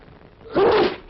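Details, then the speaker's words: A brief intake followed by a sudden, forceful burst of air from the soundtrack of a 1945 British public health film on covering coughs and sneezes with a handkerchief; a sneeze. "Now sneeze. Come on. All right, never mind. Close your eyes. Now, handkerchief. Sneeze. Sneeze, handkerchief."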